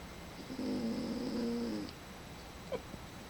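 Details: Snoring: one drawn-out, tonal, rumbling snore on an in-breath from a small animal, in a quiet room.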